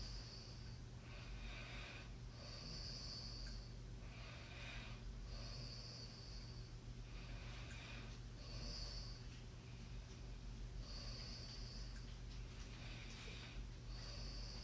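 Steady rhythmic snoring with hissy, whistling breaths about every three seconds, roughly 20 a minute, over a constant low hum.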